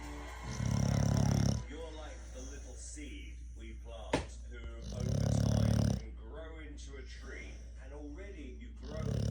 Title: Oh my! Snoring buoy! So loud! Cute boy! lol 😂